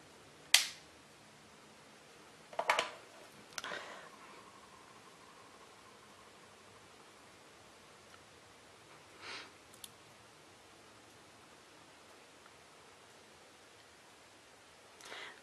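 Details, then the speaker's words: Fingertip capillary blood glucose test: the lancing device is pressed firmly on the fingertip and the blue button pressed. It fires with a sharp spring-loaded click, then faint handling clicks in a quiet room. The meter later reads 80. "nous allons placer fermement le dispositif de prélèvement capillaire sur le bout du doigt et appuyez sur la touche de commandes bleus"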